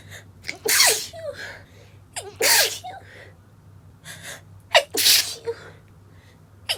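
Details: Three sharp, partly held-back sneezes in quick succession, each preceded by a catching inward gasp, from a female during woodworking: a stifled sneezing attack triggered by sawdust.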